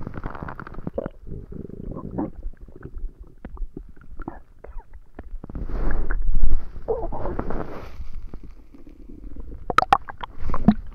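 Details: Stomach gurgling during a tummy ache: low, rolling rumbles and gurgles continuing throughout; loud borborygmi.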